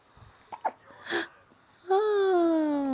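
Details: Hiccups in an 8-day-old Korean newborn baby: a few brief catching sounds, then a sustained falling cry-like vocal, hiccups with fussing.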